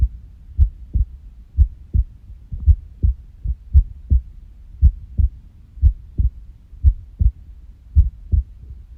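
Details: Irregular heartbeat (arrhythmia): paired heart sounds at about 56 beats a minute with uneven spacing, some beats coming early.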